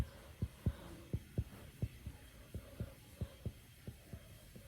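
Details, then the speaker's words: Percussion of the lower back during a lung exam to measure diaphragmatic excursion on held breath: about a dozen taps where resonant lung gives way to a short, dull note near the diaphragm, with a normal 3–4 cm excursion. "so now I'm hearing a doll sound which is close to the diaphragm"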